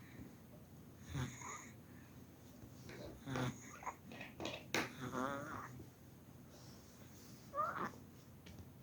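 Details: Noisy, squeaky, high-pitched vibrating breaths on inspiration from a young infant: inspiratory stridor from laryngomalacia, described as a sound that usually resolves on its own without medicine.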